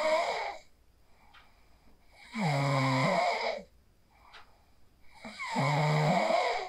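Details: Sleep snoring recorded on a mobile phone after practicing the 4-7-8 breathing technique: two loud, rough inspiratory snores with quiet breathing between, about 19 breaths a minute.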